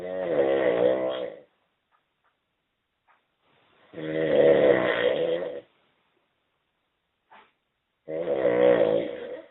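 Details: Adult man snoring while asleep on holiday, summer 2008: loud, rattling snores on each breath in, about 15 a minute, separated by quiet exhalations.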